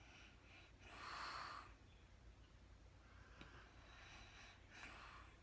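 Breathy, rasping breaths in a quiet room, a louder snorting inhalation followed by softer breaths: snoring during sleep.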